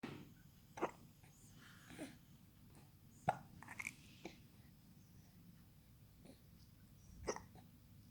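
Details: 3-month-old baby boy's hiccups: about five soft, abrupt little hiccup sounds over eight seconds at irregular gaps, in a quiet room.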